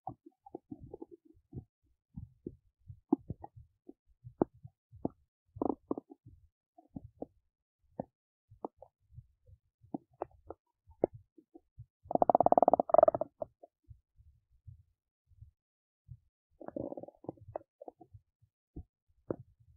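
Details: Adult belly digesting oats: irregular soft clicks and gurgles with two longer rumbles, ordinary bowel sounds of digestion.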